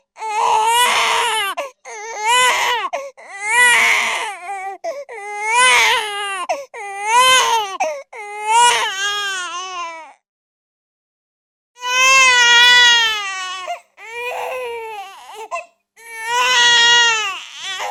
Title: Baby crying sound effect